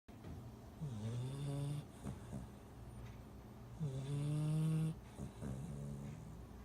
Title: 8 week old lab puppy snores